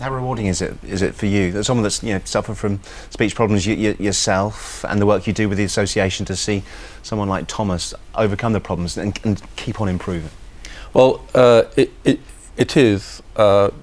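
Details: Adult male speakers, interview; Conversational speech.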